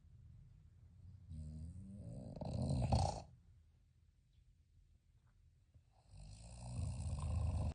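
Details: Sleeping male toy poodle or bichon frise puppy, one of three snoring boys, gives low fluttering snores on breaths in, a few seconds apart with quiet pauses; snoring.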